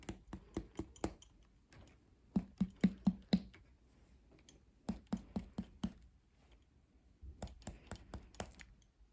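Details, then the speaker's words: Abdominal percussion during a head-to-toe exam, starting in the right lower quadrant: sharp finger taps in short series, some with a hollow drum-like ring; normal abdominal tympany. "Now I'm going to start with percussion of the stomach. So I want to hear tympany throughout, starting in the right lower quadrant."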